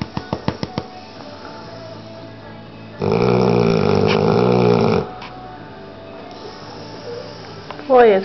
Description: Rocco, an 8 month old american bulldog snores